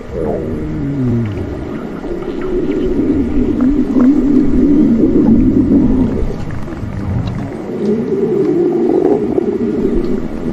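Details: Sustained, moaning low stomach growl rising and falling over several seconds; ordinary borborygmi.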